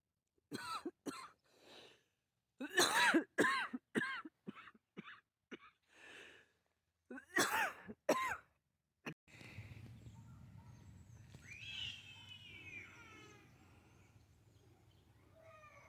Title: Birds Under Dome of Doom 🌻 Excuse me for coughing in you ear I couldn't breathe.